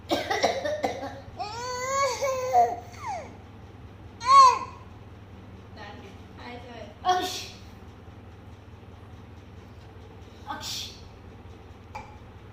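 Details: Young girl coughing with her grandmother: several short, harsh cough bursts between high-pitched voiced sounds and babble.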